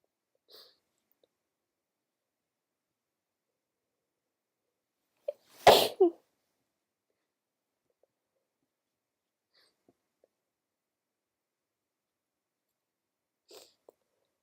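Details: Sleepy woman with a cold: one sharp sneeze with a quick intake before it, in an otherwise quiet room; a single sneeze.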